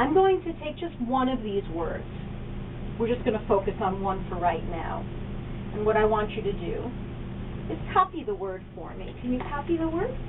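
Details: Adult woman speaking; normal speech.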